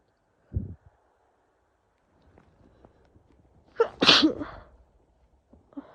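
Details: Sneezing with a cold that worsened: a sharp inhaled catch followed by one loud explosive sneeze, plus a brief earlier burst; sneezing fit.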